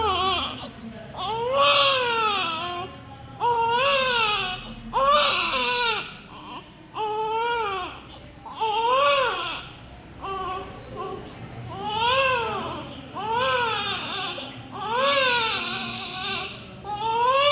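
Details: Rhythmic high-pitched wailing cries with rising and falling pitch, about every two seconds, from a newborn baby; a sound-effect recording.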